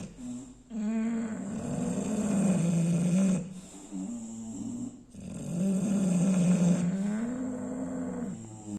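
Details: Bulldog snoring: loud, low, rattling snores with long drawn breaths, roughly 15 to 17 breaths a minute.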